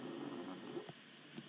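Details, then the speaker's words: Soft, low rumbling breaths with a faint fluttering buzz from a dog sleeping in the background of a quiet room: ordinary dog snoring. "vocês deve tá ouvindo o ronco é no fundo é o messi e no barco"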